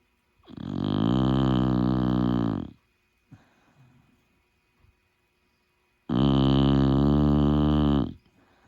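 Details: Two long, loud, low rumbling snores, each about two seconds with a quiet pause between, from a sleeping dog; snoring.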